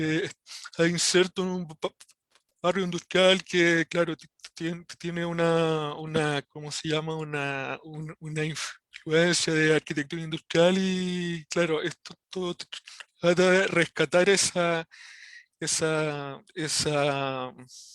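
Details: Spanish-speaking member of a stuttering support group giving a practice presentation; stuttering.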